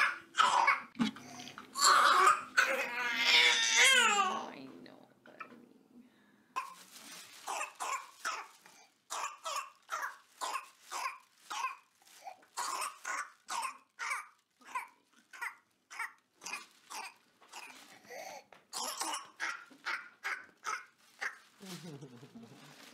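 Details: Whooping cough (pertussis, the "hundred-day cough"): long run of rapid, short coughs in a paroxysm ending in a drawn-in breath.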